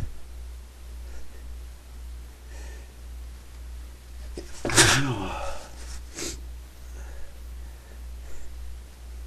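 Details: A single stifled sneeze with a brief follow-up huff over a steady low hum, someone trying but failing to stay quiet.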